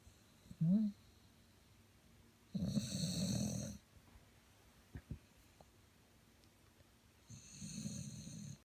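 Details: Old man snoring: two long, loud, rattling inhaled snores with quiet pauses and small noises between; typical snoring.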